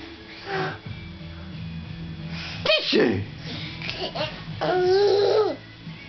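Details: Adult sneeze from the father, followed by a 17-month-old toddler sitting on the couch giggling and squealing, over faint background music.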